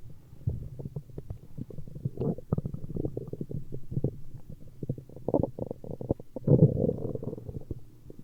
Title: Stomach Growling